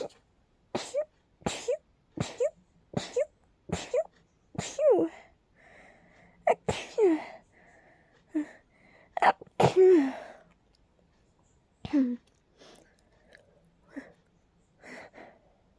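A rapid run of about a dozen sharp sneezes in quick succession, some with voiced gasps, fitting an allergic sneezing fit.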